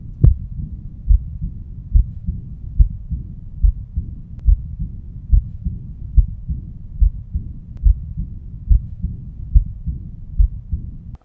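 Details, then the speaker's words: Diastolic aortic regurgitation murmur: a soft blowing sound filling the pause after each beat, heard with a stethoscope at the left lower sternal border, intercostal spaces 3–4, with a regular heartbeat near 71 a minute. "so as I put my stethoscope at the left lower stomach border around intercostal space three and four I hear a murmur that occurs after the stick moves or after systole it's occurring during diastole"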